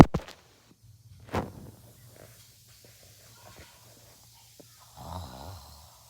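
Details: Person filmed asleep in a sleep video: sharp bursts at first, then quiet breathing and a low, rattling, fluttering snore on one breath near the end, over faint room hum.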